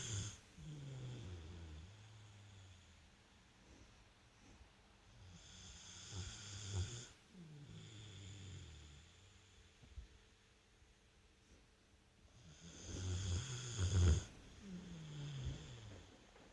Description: American bulldog haveing a good snore